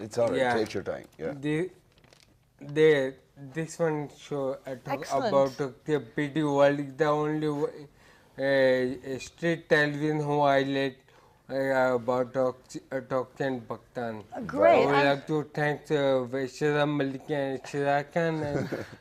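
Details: Adult man with ataxia that gradually impaired his speech, balance, posture and gait over years; ataxic speech described as scanning; ataxic dysarthria.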